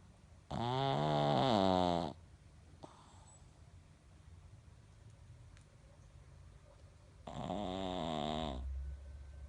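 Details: Loud snoring from a Pekingese, a flat-faced dog: two long, rough, buzzing, rattling snores through nose and throat about seven seconds apart, with quiet room noise between.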